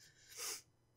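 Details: One sharp, hissing sneeze under half a second from an adult woman who has a cold and is stuffy and raspy, during a game let's play recording.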